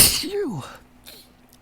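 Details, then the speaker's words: Allergic sneeze on a morning of high ragweed pollen and wind, after a tickling build-up, each sneeze leading to the next: one forceful voiced sneeze trailing off, then quiet breathing. "It's just like a domino effect in my nose. I just one sneeze just kind of leads to the next."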